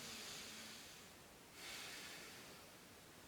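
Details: Lung auscultation with a stethoscope by a nursing student, patient inhaling deeply: full, normal airflow murmur with no abnormal sounds such as wheezing. Normal vesicular breath sounds.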